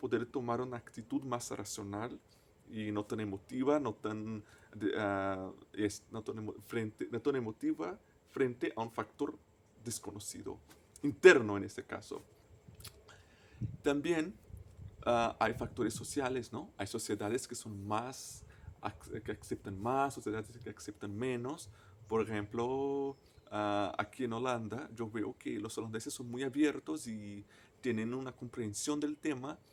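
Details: Stuttering in an adult man, a native Portuguese speaker, speaking Spanish as a foreign language.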